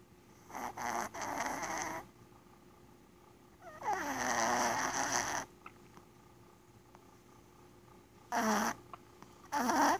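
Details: Sleeping female Chihuahua, possibly dreaming, snores in loud, rough bursts separated by quiet pauses until she snores herself awake; snoring.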